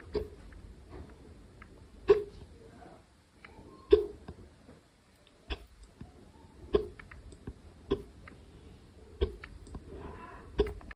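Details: Hiccups recorded quietly late at night in a quiet room: short, sharp hiccup sounds every one to two seconds, around eight in the clip.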